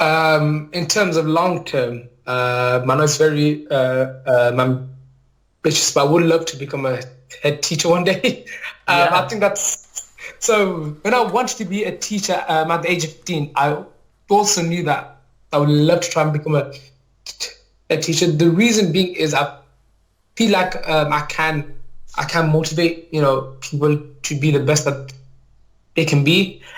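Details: Adult male maths teacher, real, with a stammer involving blocking on certain words or sounds; finding: stammering (stuttering).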